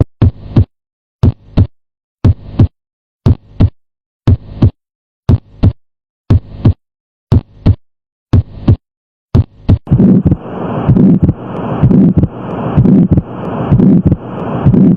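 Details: Regular heartbeats near 60 a minute with extra sound around each beat, an abnormal heart murmur, in a short heart-sounds teaching clip.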